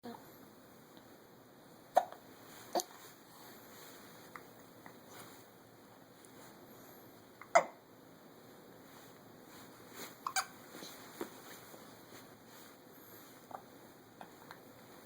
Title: Hiccup Time in the Morning